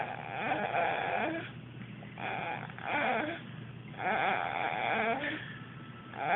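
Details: Loud, rattling, snorting breaths in repeated cycles about every two seconds with quieter gaps between; loud snoring recorded in 2010.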